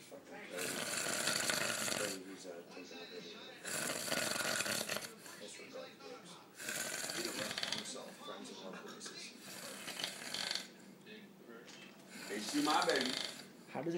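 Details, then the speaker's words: Very loud snoring in a sleeping man described as struggling to get air, tongue seen falling back into the throat: harsh, rattling snores in repeated bursts with quieter breaths between. "okay what you're hearing right now okay what you're hearing right now is moonan snoring like a [ __ ] loud"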